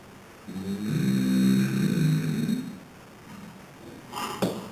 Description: My mom's boyfriend passed out on the couch, sitting up snoring!